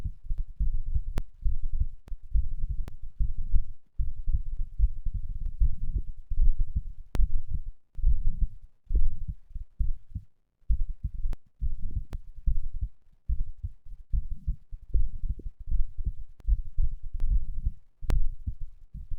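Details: Heart sounds recorded after exercise, the third such recording: a fast, strong, low thumping heartbeat with sharp clicks of handling noise.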